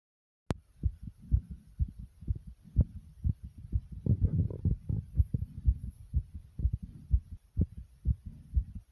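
Fast, steady low thumps of a heartbeat at about 120 beats a minute, with breathing noise in between.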